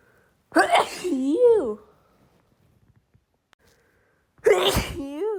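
Two loud voiced sneezes a few seconds apart, each ending in a wavering vocal trail; repeated sneezing.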